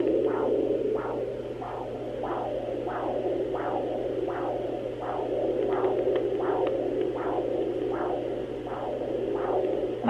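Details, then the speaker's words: Sonoline B fetal Doppler at 15 weeks pregnant, probe moved off the baby to find the mother's own heartbeat: steady whooshing pulses over hissing static, significantly slower than the baby's heartbeat. "heartbeat is significantly slower than baby's heartbeat"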